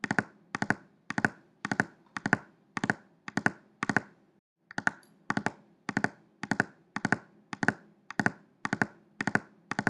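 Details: Third heart sound (S3): rapid, sharp heart sounds in clustered beats with an extra early diastolic sound, a third heart sound gallop.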